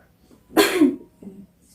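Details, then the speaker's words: Nursing-academy practical demonstration of deep breathing, effective coughing and sputum collection: one forceful, loose-sounding cough and a softer short sound in a quiet room; a role-played effective cough to clear sputum. "jadi batuk efektif ini bisa diulang lagi ketika terasa kayak saluran pernafasan suka dengan je'ne lebih itu bisa dilakukannya kita keep di ulangin di rumah bisa boleh"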